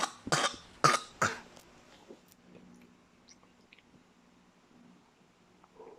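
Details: Coughing in a household while a child talks, from a recording about oregano used as an herbal remedy for cough.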